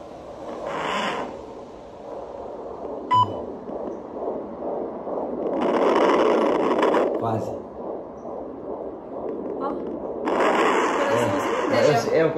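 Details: Fetal heartbeat heard with a handheld Doppler device being tested: rapid, rhythmic whooshing pulses with static and scraping noise.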